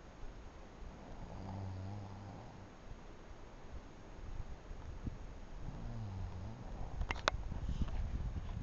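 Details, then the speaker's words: Adult man napping while camping: two low, rumbling snores over steady outdoor background noise; ordinary snoring. "So I tried to take a nap and got woken up by what I could only imagine was maybe a bear. And then realized that it wasn't a bear. It was my boyfriend."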